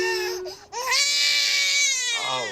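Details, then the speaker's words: A 5-month-old baby being taken to hospital after an allergic reaction gives a loud, sustained, high-pitched wail with full voice: a textbook good strong cry. "Good strong cry. It is. Textbook good strong cry."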